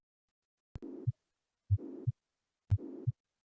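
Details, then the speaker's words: Mitral regurgitation pansystolic murmur played in a veterinary heart auscultation class, blood flowing back from left ventricle to left atrium: steady heartbeat near 60 per minute with a whooshing murmur filling the gap between each pair of heart sounds. "Nah, jadi dari ventricle kiri itu tidak masuk ke aorta, tapi kembali lagi ke atrium kiri."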